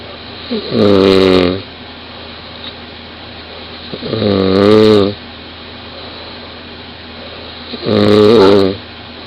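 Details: 20-year-old woman snoring very loudly in bed, recorded close beside her: loud, buzzing, slightly tonal snores about 17 breaths a minute over room hiss.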